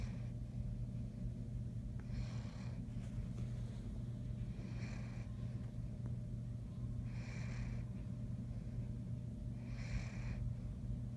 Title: Snoring Great Dane ❤️Sarge